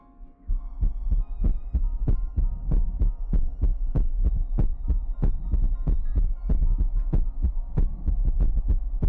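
Steady low thumping heartbeat, roughly 95 a minute, under a soft hum; a heartbeat used as relaxation background sound.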